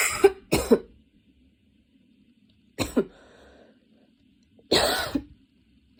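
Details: Coughing fit that came on while studying and grew intense, changing positions: harsh, forceful coughs in short clusters with brief pauses between them.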